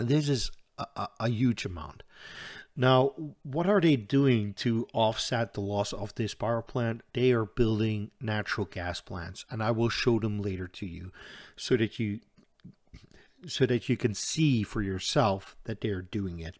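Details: Stuttering in an adult man who says he stutters audibly all the time, with a stutter in which he hangs up between his words.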